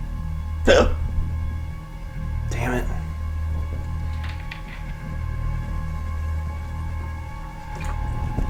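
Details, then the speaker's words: Two abrupt, sharp hiccups a couple of seconds apart from a person asking how to get rid of their hiccups, over low music. "Hey, Jade. I have the hiccups. How do I get rid of them?"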